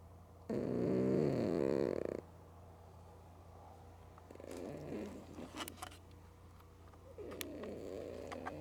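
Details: Female cat sleeping with both eyes open, snoring loudly: rough, fluttering snores on a few breaths with a steady low hum in the room.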